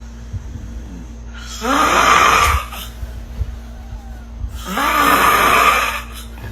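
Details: Two loud, rough inhaled snores with a groaning, rising pitch and faint whistling edge, about 19 breaths a minute, from a sleeping person, heard over quiet room noise.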